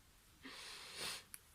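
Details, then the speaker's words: A single faint, hissy nasal breath from Lily, a small pet dog snoring nearby while asleep. "Ma petite chienne Lily qui ronfle à côté, je ne sais pas si vous l'entendez, c'est assez drôle."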